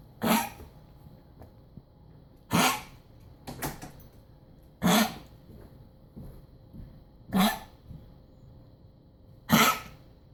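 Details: Dog's recurring harsh, dry coughs, single coughs about every two seconds, six in ten seconds, in a quiet room; recorded Sept 26, 2016, coughing lasted one hour that morning and again, while upright, from about 4 p.m. until bedtime.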